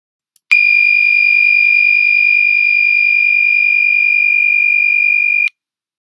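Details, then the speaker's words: HeartMate II left ventricular assist device system controller low-flow hazard alarm: a constant high-pitched tone lasting about five seconds, signalling pump flow below 2.5 liters per minute. "what this means this alarm means pump flow is less than 2.5 liters per minute"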